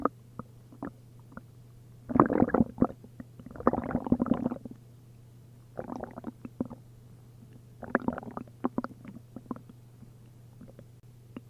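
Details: Upset stomach after drinking a liter of milk and a liter of prune juice: bursts of loud gurgling and bubbling in clusters over a steady hum as liquid moves through the gut, giving hyperactive bowel sounds (borborygmi).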